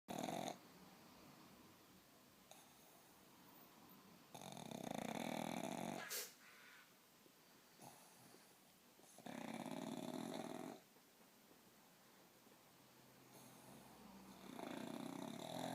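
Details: Pug napping after a very long walk: loud, rough snoring breaths with quieter noisy breathing between them; snoring.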